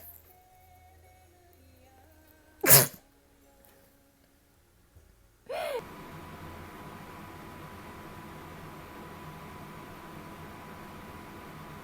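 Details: Girl sneezing: one sharp, sudden sneeze burst in a quiet room, followed by louder steady background noise; a single sneeze.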